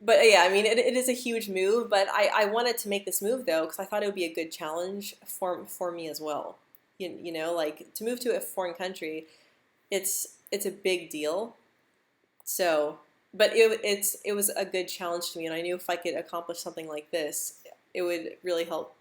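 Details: Adult woman who stutters, who moved to the Netherlands and is learning Dutch, speaking in a live stream; she reports stuttering more when stressed, nervous or not confident; stuttering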